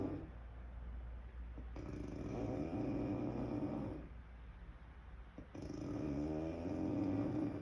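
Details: Woman snoring loudly in sleep, likened to a cow and a pig: two long, rough, rumbling snores about four seconds apart, separated by quieter breathing.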